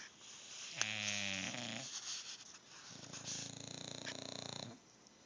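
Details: Two sleeping dogs lying together and snoring at the same time: one makes a whistling, tonal snore, the other a buzzing, rattling snore.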